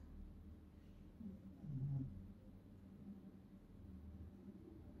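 Faint, low rumbling snore from a dog in the background of a quiet room, with one louder swell midway; ordinary snoring.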